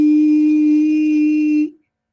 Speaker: El tono agudo son muchos ciclos por unidad de tiempo. Suena como un pitido que tiene mucho ciclaje.